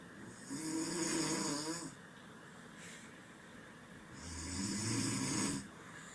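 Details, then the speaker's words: Two long, rough, rattling breaths with a low flutter and a quiet pause, presented as an example of snoring in a paediatric pulmonology teaching session on respiratory sounds. "so this is snoring"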